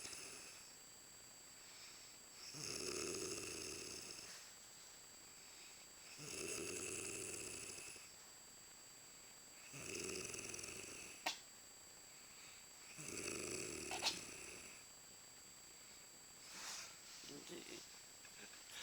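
Loud, rough snores with breathing pauses between them, four snores in about nineteen seconds, roughly thirteen breaths a minute. Ordinary snoring.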